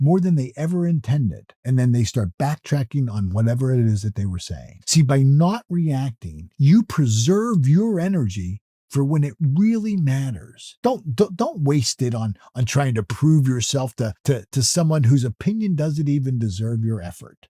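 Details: Adult male who self-reports that he stutters or stammers, with repeated words in his speech; stuttering.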